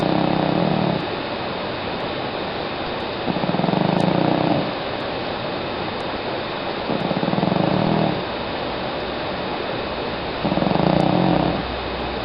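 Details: Loud rough, buzzing snoring at about 17 breaths a minute from a sleeping female cat, around 13 years old.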